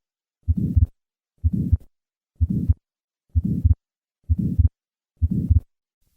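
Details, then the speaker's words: Innocent systolic murmur, regular heartbeat about 62 a minute, soft murmur peaking early in systole, reflecting normal flow across the aortic valve; contrasted with the late-peaking murmur of aortic stenosis. "notice how the innocent murmur peaks early and systole and compare that to the late peaking of aortic stenosis first the innocent murmur"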